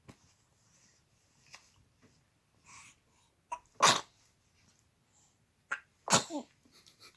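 A dog gives two sharp, explosive sneezes, each a quick burst of air through the nose.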